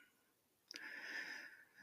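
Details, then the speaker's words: A sleeping pet cat in the background of a room, heard after a soft click, breathes out with a thin, high whistling tone lasting about a second: snoring. "et les bruits que vous entendez derrière c'est mon chat qui ronfle"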